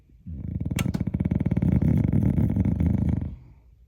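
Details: A loud, low, rattling breath lasting about three seconds with fast fluttering vibration from a dog said to snore like a hog; snoring.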